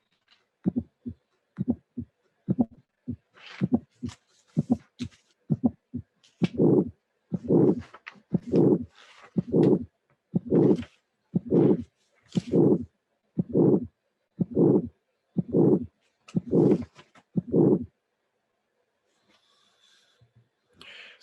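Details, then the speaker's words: First sound, ejection click and second sound, then a systolic ejection murmur with delayed maximum intensity; severe bicuspid aortic stenosis. "you will listen the click first of course with the first and second sound first sound click and second sound and then you will appreciate the appearance of the murmur that is systolic ejection rash and delayed as a maximum intensity of the moment"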